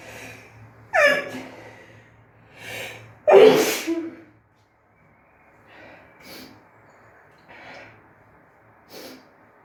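Sharp indrawn gasps followed by forceful sneezes, then softer sniffs and breaths in a quiet room; a bout of repeated sneezing.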